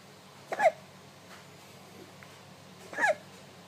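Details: Baby with hiccups: two brief, sharp, soft hiccup sounds about two and a half seconds apart, with quiet room noise between them.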